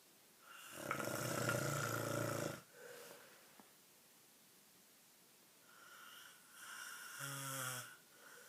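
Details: Loud rattling inspiratory breaths separated by quieter pauses; typical snoring.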